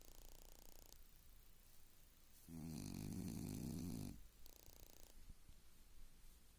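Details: Person snoring: one loud, deep, rattling snore lasting about a second and a half, framed by quieter breathing and faint room noise.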